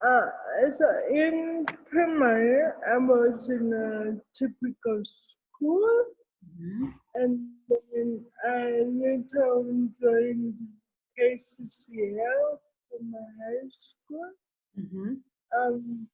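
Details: Adult woman with cerebral palsy; dysarthria associated with cerebral palsy.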